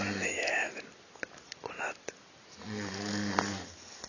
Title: snoring at Fanfest 2013